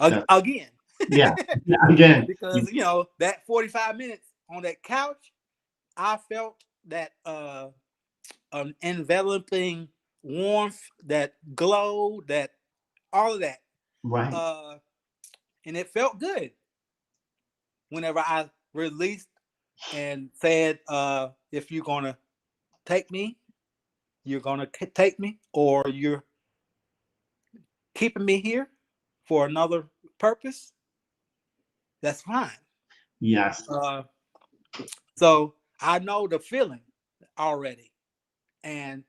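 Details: 52-year-old man, 3 years after an ischemic stroke, still working on his speech and thinking about every word, syllable and cadence; aphasia.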